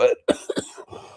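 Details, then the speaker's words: An adult man, who says he is having trouble breathing and wonders if he sounds wheezy, gives a sharp single cough followed by two quick, softer throat-clearing bursts: cough with throat clearing. "Pardon my breathing. I'm having trouble breathing."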